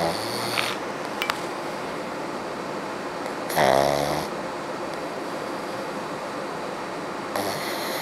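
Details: Pug snoring: faint rattling snore against steady room noise, one clear snoring breath midway with weaker snorts at start and end.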